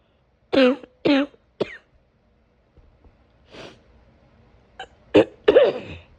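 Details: Harsh, forceful coughs in bursts with a shorter weak cough between them; a severe hacking cough.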